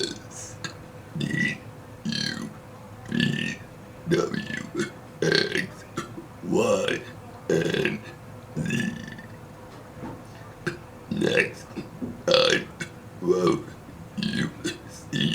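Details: A brother gives a long run of deliberate, voiced burps shaped into letters while reciting the alphabet, about one a second; voluntary belching.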